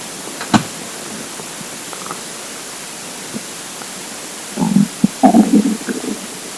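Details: Hungry, empty stomach rumbling (borborygmi).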